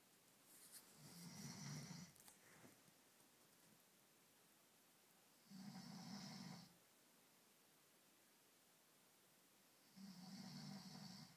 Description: What a fat plumber sounds like after some wine